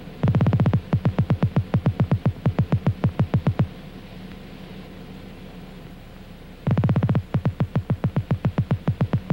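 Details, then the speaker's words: Bursts of rapid popping nerve impulses speeding up with each stretch, pausing, then resuming: loudspeaker monitoring group Ia afferent discharge from the primary sensory ending of an isolated living muscle spindle alternately stretched and relaxed. "muscle is alternately stretched and relaxed the primary sensory spirals open and close the loudspeaker monitors the effluent discharge in the group 1 e afferent fiber"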